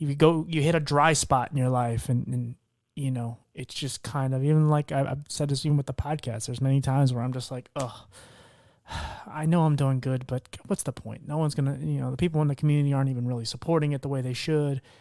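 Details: Adult male speaker; Typical speech.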